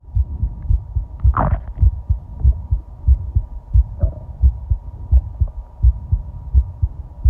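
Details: Own heartbeat recorded while lying down and breathing, the heart pounding partway through from excitement: steady low thumping at about 86 beats a minute, with a brief gurgle of stomach growling and a faint background hum; normal heartbeat.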